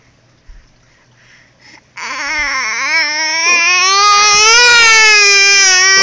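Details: Quiet whimpers, then a loud sustained wailing cry that rises and holds, while his father talks to him: an infant son crying.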